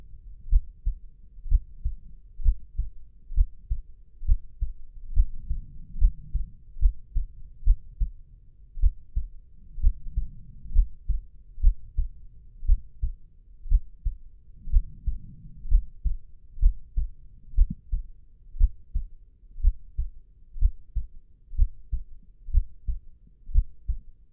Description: What a real heart beat sounds like.